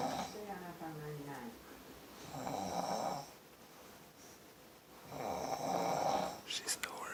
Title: OMG she can snore